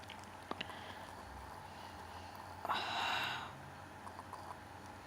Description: This was one of the strongest sneeze I've had!